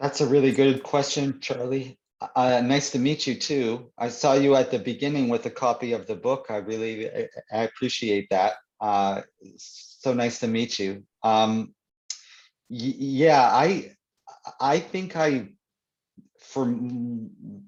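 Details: Stuttering (stammering) in an adult man.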